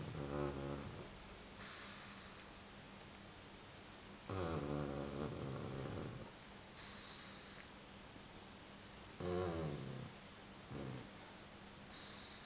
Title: The snoring pug, Ricky